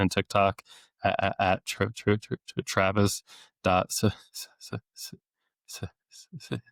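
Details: Adult male speech-language pathologist who has stuttered since age eight, with therapy off and on into his early twenties, deliberately lets his stutter show; stuttering with sound, word and phrase repetitions.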